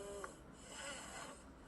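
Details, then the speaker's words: Seven-year-old boy with obstructive sleep apnea and underdeveloped jaws, mouth-breathing while asleep: noisy, effortful snoring breaths with a brief snort, showing the effort he needed to breathe during sleep. "Olha como olha o tipo, né, do esforço que ele tinha que fazer, né, para poder"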